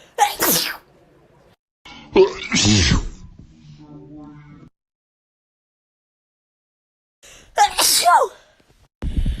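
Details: Wet sneeze compilation; several forceful, wet-sounding sneezes, each with a short intake before a sharp explosive burst, separated by pauses.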